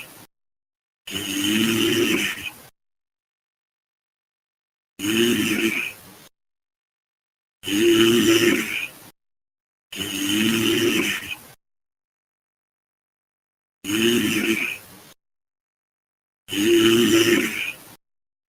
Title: frying snoring sounds